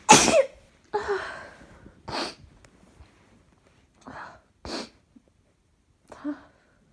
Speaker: sneeze. Oh gosh. I have to sneeze.